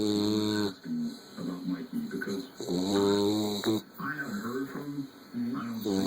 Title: Snoring bulldog